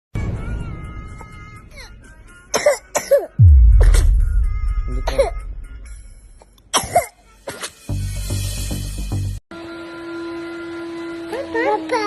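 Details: A young child with a cough and cold gives several short, sharp coughs in bursts over background music.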